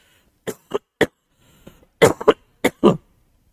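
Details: A run of short, sharp coughs with a throat clear from an adult male teacher during a lecture. The coughs come in small clusters with brief pauses.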